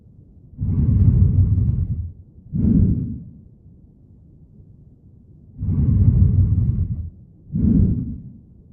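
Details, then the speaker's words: Simulated lung sounds over two breath cycles with coarse, low-pitched, snoring-like rumbles: rhonchi. These are often caused by airway secretions, may clear with coughing, and are commonly described in bronchitis and bronchiolitis. "Rhonchi, low-pitched and coarse, snoring-like sounds. Often caused by airway secretions and may clear with coughing."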